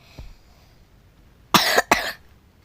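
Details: Player who says they keep coughing, while narrating a Roblox game: two quick dry coughs in close succession after a faint click; a plain cough.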